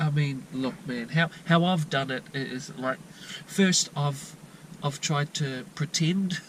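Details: 22-year-old New Zealand man with untreated stuttering since childhood; repetitions and blocks, usually at word beginnings.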